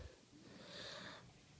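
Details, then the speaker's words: Female snoring while asleep at night: one drawn-out breath with a whistling, high-pitched tone in a quiet room; an unusual whistling snore. "when you see this in the morning it is 88:13 right now and um hope you like the video your snoring is really"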